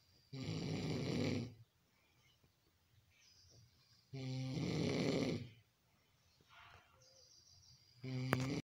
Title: Snoring caught live on camera | Five Star Nakoda #snoring